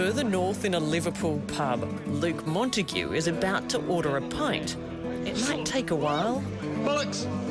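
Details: Adult male narrator; typical speech.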